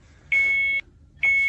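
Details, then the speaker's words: Repeated high, steady electronic beeps, about one a second, from an IV infusion pump delivering antibiotics, alarming when the patient's arms bend; an acted skit on disrupted ICU sleep: IV infusion pump alarm. "is that sir you need to keep your arms straight like this the whole night or it'll keep beeping and you won't get your antibiotics"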